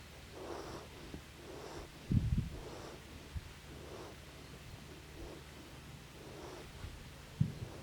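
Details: Snoring: a sleeping young horse (foal) gives soft, regular snoring breaths about every 1.1 seconds, with a few brief snorts.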